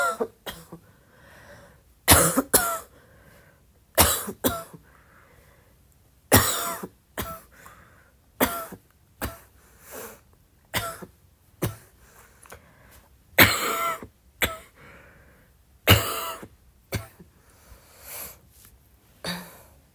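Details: Roughly a dozen short, fairly soft coughs and throat-clearing bursts over twenty seconds in a quiet room at midnight.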